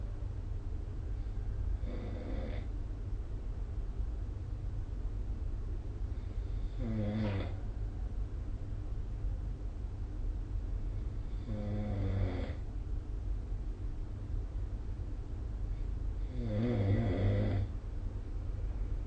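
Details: Snoring recorded with the SnoreLab app: four soft, regular snores about every five seconds, roughly 12 a minute, over a steady low room hum.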